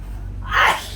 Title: Sneezing 🤧 NOSE PLUGGING CHALLENGE😂 Mom & Son Couldn’t Stop Laughing😂 #ytstudio #yt #funnychallenge